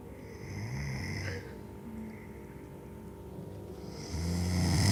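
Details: Deep, low rumbling snores during sleep, two loud inhaled snores with a quieter stretch between: snoring.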